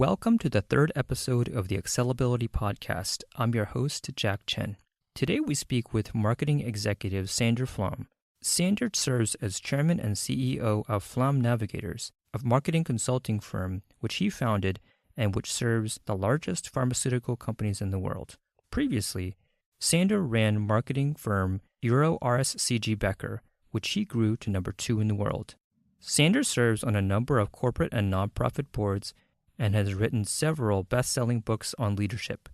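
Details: Adult male speaker; normal fluent speech.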